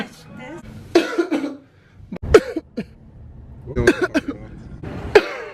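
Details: Several short harsh cough bursts mixed with throat clearing and some speech over faint background noise; coughing.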